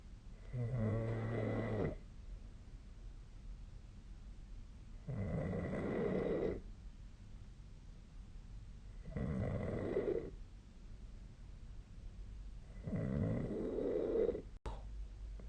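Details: Sleep snoring recorded on 2025/02/08: rhythmic rattling snores about every four seconds, roughly 15 breaths a minute, with quiet gaps in a quiet room.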